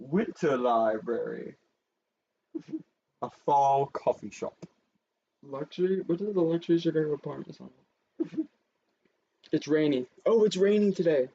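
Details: Adult speaker; ordinary speech.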